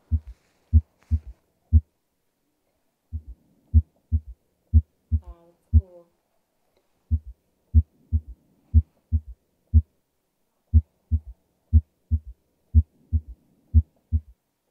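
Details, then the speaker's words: Normal heart sounds on the Harvey mannequin simulator, stethoscope moved around the auscultation points: regular lub-dub at about 60 beats a minute with soft simulated breathing. "aaron's going to move his uh stethoscope while alex and i are able to listen at the same time so aaron go ahead and move around the ascultation points for normal heart"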